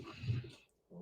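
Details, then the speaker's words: A chubby little sleeping Yorkie snores once, a low rumbling breath sound fading into a brief quiet pause: dog snoring. "you can hear sid snoring right that's why i had to show him i'm like that noise is my dog's snoring"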